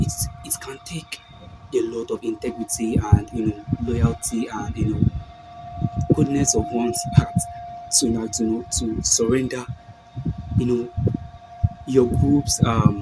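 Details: Male video host who self-identifies as a stammerer; stuttering.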